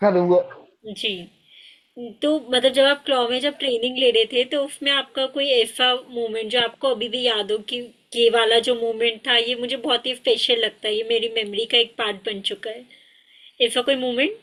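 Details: Adult woman speaking Hindi; normal speech.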